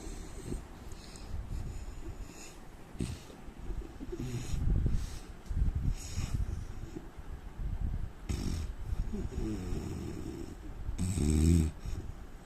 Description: indian man snoring sound asmr sound problem